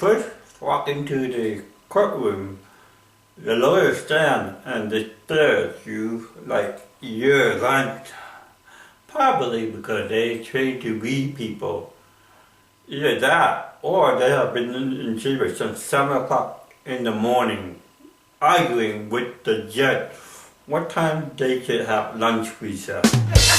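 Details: Adult man with cerebral palsy performing comedy in English: dysarthria (cerebral palsy).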